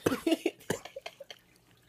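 A quick series of short, sharp cough bursts, about four strong ones followed by fainter ones, in a small room; a plain cough.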